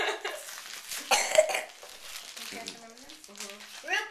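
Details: Child coughing while eating Halloween candy gives a couple of short, harsh coughs followed by brief voiced sounds in a small room; a simple cough.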